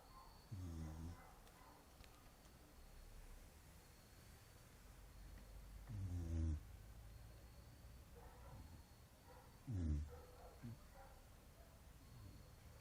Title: Dog snoring